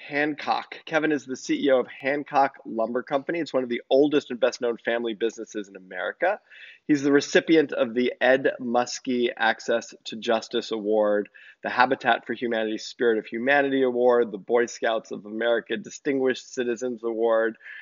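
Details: Adult male host; Normal speech.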